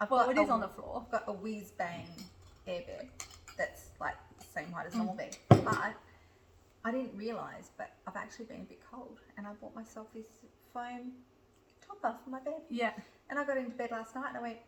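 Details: Adult woman speaking; Typical speech.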